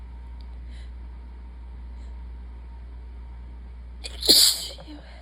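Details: A single sharp sneeze after a quiet stretch, with a faint steady room hum, from a tired person who is sick.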